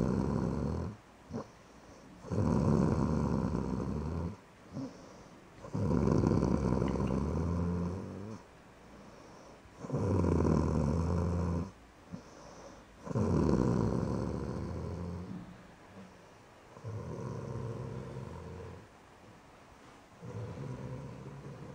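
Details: Loud, low rattling snores with each breath, about 7–8 breaths a minute with pauses between, from a sleeping pet that is passing out; snoring.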